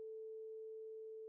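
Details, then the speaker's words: Rinne test for hearing loss: a vibrating tuning fork placed against the mastoid bone so sound reaches the inner ear by bone conduction; a steady pure hum, before the fork is moved beside the ear for air conduction. "place a vibrating tuning fork against the mastoid bone sound waves now travel to the inner ear via bone conduction"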